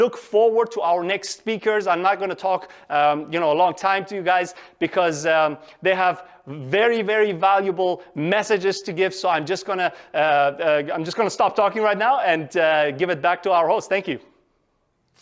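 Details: Adult speaker; Normal voice.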